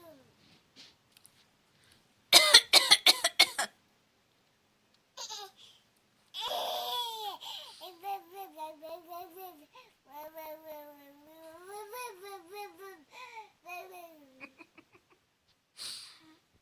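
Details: Adult parent's deliberately fake cough: about six quick, dry, forced coughs, followed by a young daughter's babbling and vocalizing in reaction.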